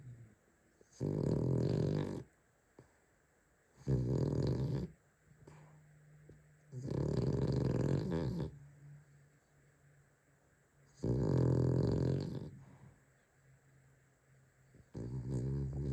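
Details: A sleeping Cavalier dog snoring: loud, rough snores about every three to four seconds, roughly 16 a minute, in a quiet room.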